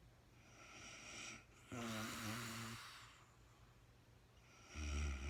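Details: Real-time recording of a sleeping woman, no talking: low, buzzing snores with a softer airy breath between them in a quiet room; snoring during sleep.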